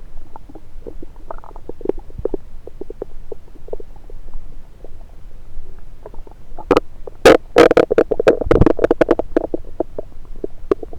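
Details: Active bowel sounds, heard through a stethoscope placed on multiple parts of the abdomen during a self-recorded session: soft irregular gurgles and clicks, then a louder burst of rumbling gurgles.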